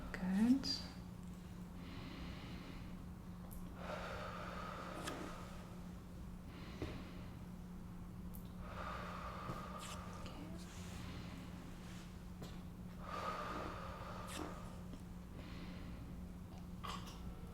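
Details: Real-person head-to-toe practice assessment of an adult woman in an ASMR roleplay: lung auscultation finds normal vesicular breath sounds with no crackles.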